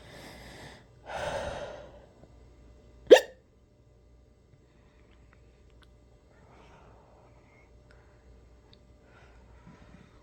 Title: Omg, more and more hiccups today! #hiccups #hiccup #hiccuping